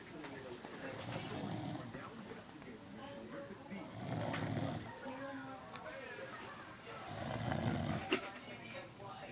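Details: A sleeping man giving three rough, rising snores about three seconds apart, roughly 20 a minute, with faint voices or a TV in the background: ordinary snoring.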